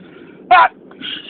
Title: Merry sneezing Christmas!!!